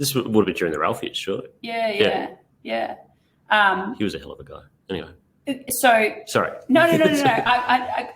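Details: Adult woman, conversational speech; normal voice.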